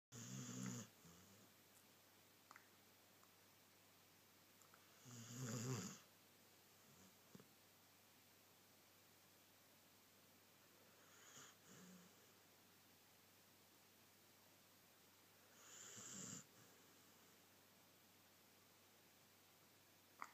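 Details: Dog snoring while lying like a human: soft, rough snores spaced with quiet breathing, about a dozen breaths a minute, in a quiet room.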